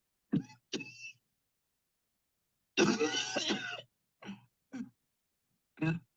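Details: Two short coughs, a longer rough throat-clearing cough, then three more brief coughs, produced voluntarily on request after guided deep breathing during a remote cleansing-healing coughing technique session.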